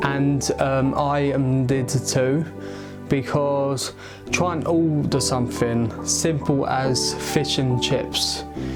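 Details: Adult aged 22 with a stammer; stuttering.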